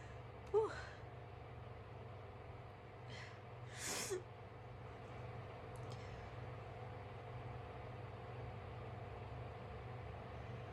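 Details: A person told not to blow their nose sneezing loudly: two sneezes, a short burst and then a louder one, over steady low room hum; ordinary sneezing.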